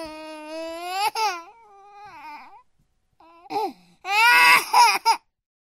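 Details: 9-month-old baby crying: long wailing cries with breaks and catching breaths, rising and falling in pitch, in a quiet room; infant crying.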